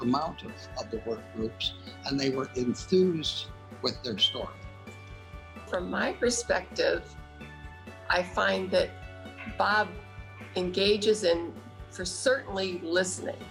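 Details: Woman with aphasia following a brain bleed, attending aphasia conversation groups for three years; aphasia.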